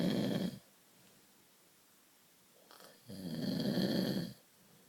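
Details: Two low rumbling snores separated by a quiet pause; sleep snoring.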